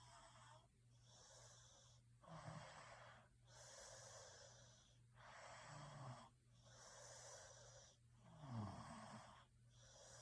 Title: Snoring sounds Sleep 🛌 well